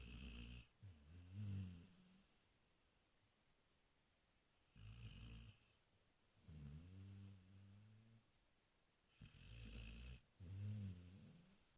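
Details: Snoring: three low, rumbling, rattling snores, each followed by a whistling breath out, about 15 breaths a minute, recorded in the early afternoon.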